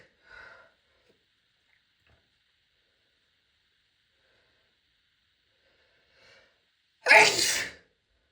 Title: my biggest sneezes i ever had (F)